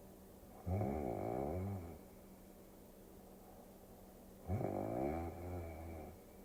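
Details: Snoring during sleep, from a sleep-aid ASMR recording: two slow, low, rattling inspiratory snores over a steady background hum.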